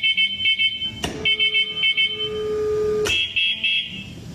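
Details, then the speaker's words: Audible alarm of the SmithVent pandemic ventilator, shown as part of its visual and auditory alarm system: repeated high-pitched electronic beeps in short clusters, with a steady tone between them. "incorporation of both visual and auditory alarms ensures patient safety"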